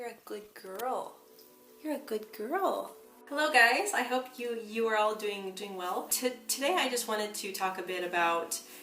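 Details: Woman who identifies as a person who stutters, heard with word and part-word repetitions; stuttering.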